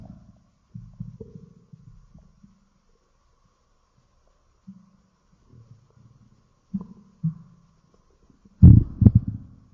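Low gurgling rumbles with short bubbling runs and a louder burst near the end: ordinary stomach growling, bowel sounds.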